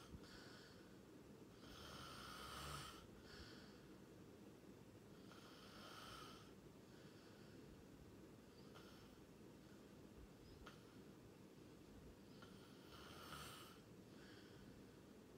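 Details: Person asleep, recorded for sleep ASMR: soft rasping snores every few seconds, about 15 a minute, under steady room hiss: snoring during sleep.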